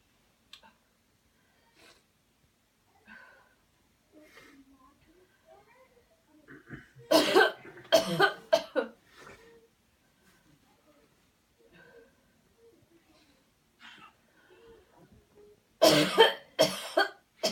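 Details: Deliberate airway-clearance coughing technique after guided counted deep breathing: quiet breathing, then two clusters of forceful, repeated coughs, about six coughs in all.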